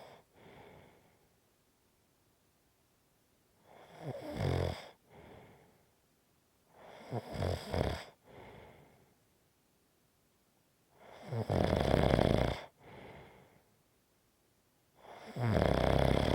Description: This is a 5 1/2 minute snoring clip. It fades and gets stronger and fades.